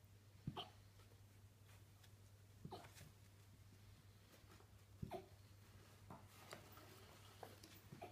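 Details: Fluffy husky puppy with floppy ears hiccuping: short, sharp hiccups about one every two to three seconds over a steady low hum.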